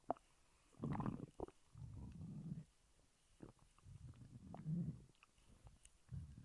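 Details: Stomach growling: low gurgling rumbles in bursts with soft clicks between, from gas and fluid moving in the gut; borborygmi.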